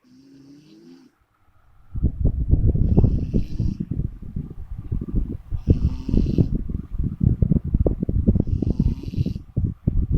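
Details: Person snoring: loud, irregular rattling and fluttering snores with a soft background hiss.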